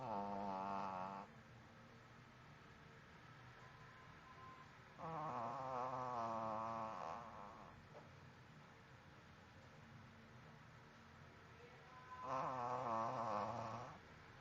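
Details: Dog snoring while asleep: soft, slow, buzzing breaths about every six seconds over quiet room noise.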